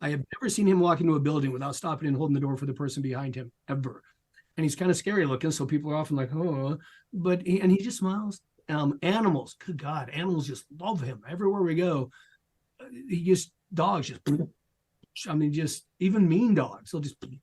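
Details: Adult speaker; normal speech.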